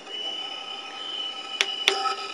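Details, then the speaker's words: Steady high hiss of a small-volume nebulizer near the end of treatment, two sharp taps moving medication from the sidewall down to the capillary tube, then sputtering from intermittent nebulization: nebulizer sputtering. "you can move some of the medication that is along the sidewall of the nebulizer down to the capillary tube so that it can be nebulized. What you're hearing is the sputtering."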